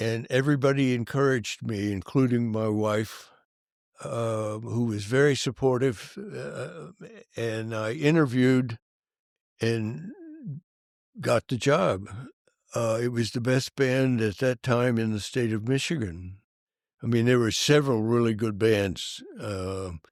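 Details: Adult male band director who has stuttered since childhood, severe when very young and for many years, and still stutters: stuttering.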